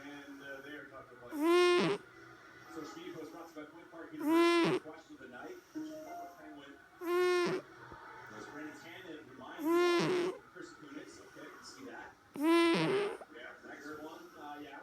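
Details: Cat snoring: short, high-pitched whistling snores about every three seconds, heard under a television hockey broadcast.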